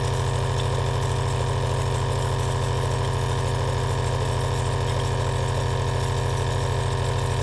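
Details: Loud, steady low droning buzz with a fast even pulse, like a small motor, from an aerosol nebulizer compressor running continuously, recorded as relaxing ASMR.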